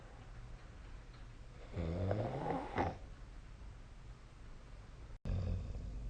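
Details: One low, rumbling snore on an in-breath over steady room noise, then another starting at the end; sleep snoring.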